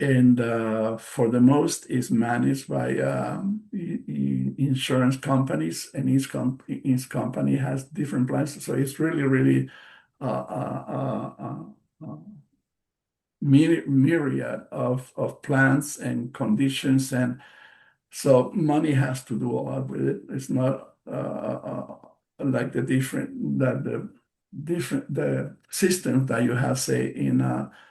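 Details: Real post-stroke aphasia in a male bilingual psychotherapist who has been a stroke survivor since March 2020; he reports the aphasia himself and notes that it affects his pronunciation.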